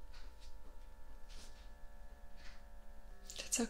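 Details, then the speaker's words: Steady low motorised hum of an automatic blood pressure cuff inflating on the arm, in a quiet room, during a simulated ASMR ear, nose and throat exam roleplay. "if at any point you feel discomfort and it's getting too tight let me know and we'll stop just slide your arm through here good i'll start the machine"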